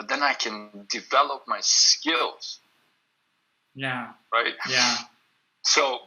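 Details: Adult male who stutters; he reports stuttering more when reading a script aloud than when speaking freely. Stuttering.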